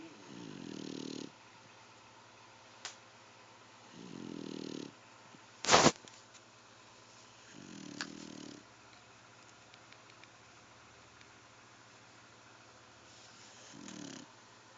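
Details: Sleeping dog snoring like a human: soft, regular nasal snores, roughly 17 a minute, with a brief background clatter; ordinary snoring.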